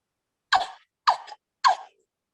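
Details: Woman with Tourette's syndrome: three short, sharp vocal bursts at regular intervals, cough-like yelps; simple vocal tics.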